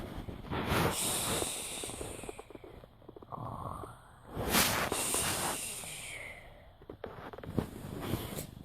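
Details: Young child imitating daddy's snoring while awake: rough, breathy snoring and snorting noises on slow breaths with room noise; simulated, not real sleep snoring.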